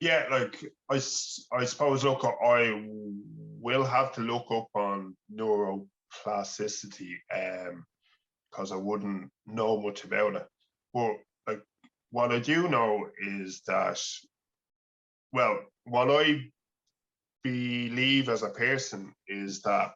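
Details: 47-year-old man who has stuttered since childhood, former slow-speech therapy, now using voluntary stuttering, block modification and fluency shaping strategies, speaking about his stutter; stuttering.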